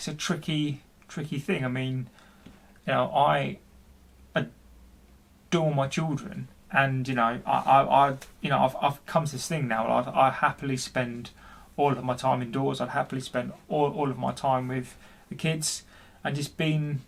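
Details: Adult man, 40, who stammers and reports intense depression for which he has seen his GP; speech with repetitions; stuttering.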